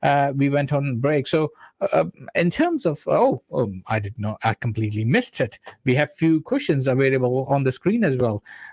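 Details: Adult man who says he stammers himself, speaking while invited to explain stammering; stuttering (stammering).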